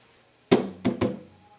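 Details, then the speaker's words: S3 gallop demonstration: three low thumps per beat, a third heart sound just after S2, giving a "Ken-tuc-ky" rhythm; an educational example of an S3 heart sound. "this is an example of what s3 heart sounds sound like"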